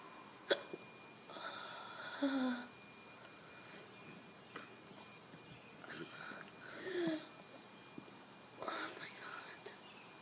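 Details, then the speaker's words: Person with recurring hiccups lasting over a minute: soft, sudden throat catches, about three in ten seconds, in a quiet room; hiccups. "hi guys I have the hiccups again again I know it's like the third time like the third video I [Music] mean"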